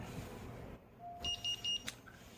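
Three short, evenly spaced electronic beeps from a syringe pump running its power-on self-test; a normal startup check.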